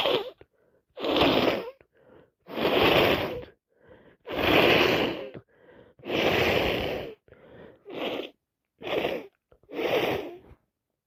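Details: A real head cold that has got worse: about eight explosive sneezes in a run, with short sniffs and gasps between them, part of non-stop sneezing and sniffing.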